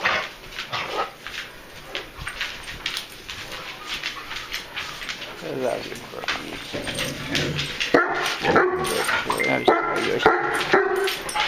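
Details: Harsh, honking coughing bursts, then louder barking and whining, from three dogs with kennel cough at different stages, on day 4 of doxycycline and a cough suppressant; clear phlegm sometimes comes up.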